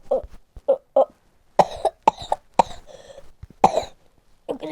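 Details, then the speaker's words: Cough fit during a game stream: repeated short, dry cough bursts in a quick run, about eight coughs, quiet room background; ordinary cough. "Я раскашлялся там конечно а Sorry за кашель буду пореже это делать"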